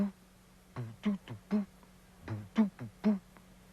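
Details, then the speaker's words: Drum imitation of an altered heartbeat rhythm, played to show how the heart may change as the body adjusts to balance itself, likened to Bata drumming: low thumps in uneven clusters of two and three. "But sometimes when the body is trying to make a kind of adjustment to balance itself, it may change to a sound like this."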